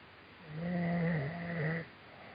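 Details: Man who fell asleep during a Skype call, snoring heavily: one long, low, buzzing snore on an in-breath lasting over a second, in a quiet room.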